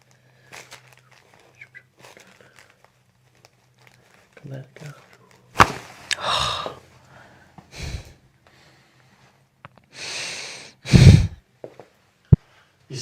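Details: ASMR chiropractic neck adjustment, the patient relaxing and breathing out as gentle pressure is applied: quiet talk and breathing, then a brief sharp pop; joint cavitation crack.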